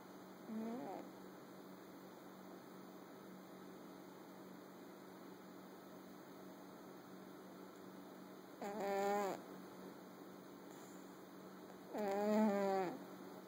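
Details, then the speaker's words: Sleeping fat black cat: three brief, soft, nasal snores spaced several seconds apart over low room hum. Snoring. "Who's snoring?"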